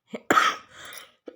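A single harsh, forceful cough burst with a short trailing breath and a faint sound after; an ordinary cough during a cold.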